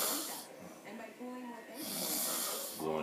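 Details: Person snoring after a long night in Vegas: rough, noisy breaths with a rattling, fluttering edge repeat during sleep; ordinary snoring.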